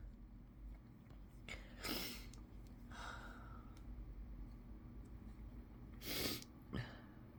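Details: Two sharp self-induced sneezes, each preceded by a quick inward breath, in a quiet room with low background hum; sneeze.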